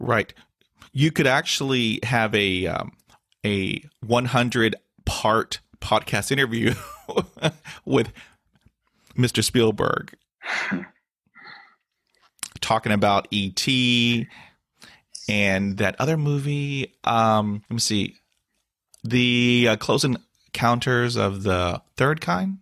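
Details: Stuttering in an adult male with long blocks, facial tics, hand gestures and years of speech therapy.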